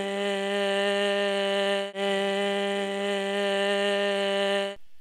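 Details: Hoarse, breathy voice with air leak and turbulent white noise, indicating a glottic gap that never closes, with continuous airflow through the gap seen on stroboscopy.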